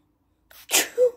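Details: A wet sneeze with a short sharp breath in before it and a brief voiced sound after, from a child with a bad cold; cold medicine not helping.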